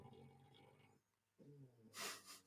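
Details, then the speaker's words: Sleeping dog snoring: low, fluttering snores on the in-breath, a brief pause, then a breathy snorting exhale. "you hear my dog snoring?"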